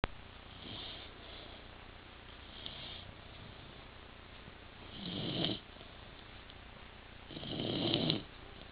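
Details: Rhythmic snoring from a sleeping Rottweiler resting after a long day of playing, about 23 snores a minute, the last two loud and rasping, with quiet room hiss between: ordinary snoring.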